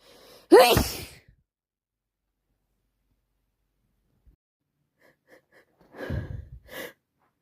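A sharp inhale and loud wet sneeze, then a quieter pause and more sneeze-like bursts, as with a head cold.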